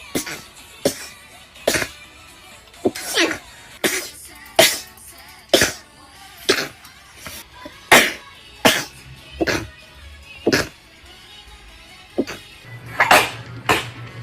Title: Chinese Girl stifled sneezes